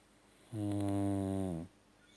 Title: Captain snoring